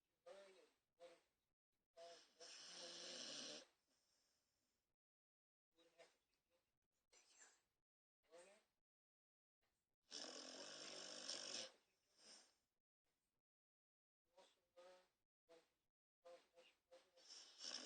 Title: Snoring pitbull